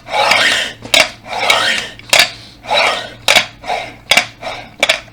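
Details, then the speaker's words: Adult man using a breathing exercise device, inhaling from outside then blowing, repeated rushing breaths with short clicks between efforts; incentive spirometer exercise. "Şimdi bunu üflerken dışarıdan nefes alıp Ondan sonra üfleyeceksiniz"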